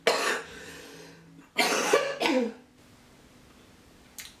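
Three harsh, loose coughs in quick succession with a faint fourth sound at the end, fitting the chronic productive cough of cystic fibrosis.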